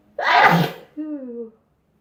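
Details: One loud, sharp sneeze with a brief voiced sound after it, from a sneezing compilation; a typical single sneeze.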